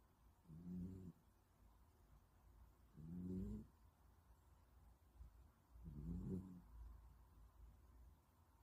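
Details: Three slow, rattling inspiratory snores at about 20 to 22 a minute, with quiet room noise between them; snoring in a sleeping younger sister who keeps her eyes open.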